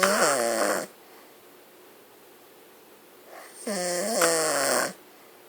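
Two long, loud buzzing snores with a rising and falling pitch, separated by quiet pauses; snoring.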